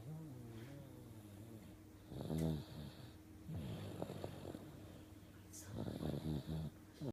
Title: Cutest snoring 3 yr old ever.